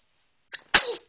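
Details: Infant sneezing while being talked to: a short intake followed by one sharp, hissing sneeze.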